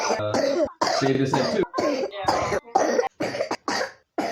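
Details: A rapid run of about nine short, hacking, rough, wet-sounding coughs in quick succession from a 3-year-old child with pneumonia.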